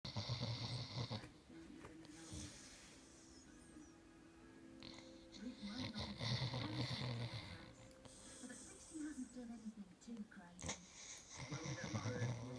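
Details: Rough, rattling snores from a sleeping Staffy dog over quiet background music and some talk; snoring.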